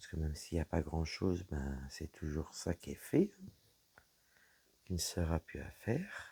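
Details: Woman whose vocal cords were damaged by a serious health problem; voice deeper than before, at times little voice, unable to speak loudly; low-pitched voice; dysphonia from vocal fold damage.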